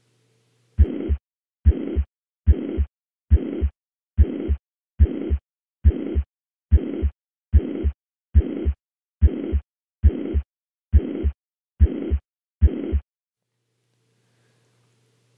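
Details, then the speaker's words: Heart murmur teaching example: high-pitched, uniform (holosystolic) systolic murmur heard at the apex; holosystolic murmur consistent with mitral regurgitation. "finally what is the murmur pitch I had labeled this high pitched so now this patient has a high-pitched uniform systolic murmur occurring at the Apex"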